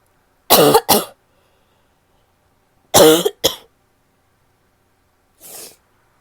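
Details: An adult woman gives two paired cough bursts, then a softer breathy exhalation. Finding: cough.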